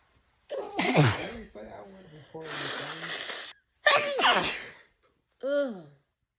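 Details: Woman's sneezing fit, edited loop, tagged allergic rhinitis: three loud forceful sneezes in quick succession, each with a sharp inhaled build-up, then a short voiced sound.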